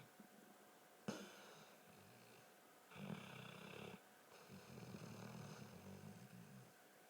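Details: Snoring during sleep: soft, low, fluttering snores on in-breaths, with a sharp knock partway through and faint room hum.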